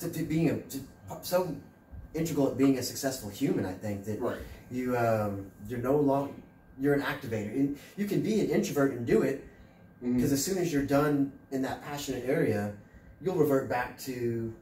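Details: Adult male speaker; normal speech.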